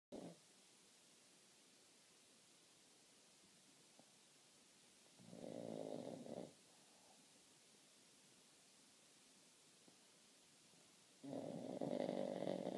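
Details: Pug snoring while asleep in a quiet room: two soft, rumbling breath sounds several seconds apart; snoring.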